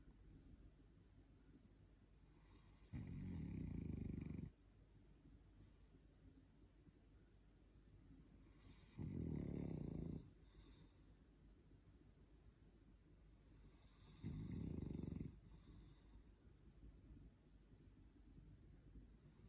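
Three loud, rattling snores on breathing in, roughly every six seconds, with quiet pauses between; ordinary snoring.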